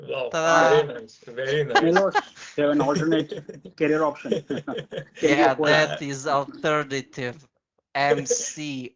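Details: Adult man from India who stammers, with involuntary stuttering acquired at about age four or five; stuttering.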